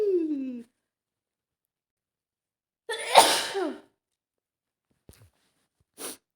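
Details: Woman with an autumn cold caught from her partner: a single forceful sneeze with a sharp burst of air, then a brief sniff and short exhale; sneezing.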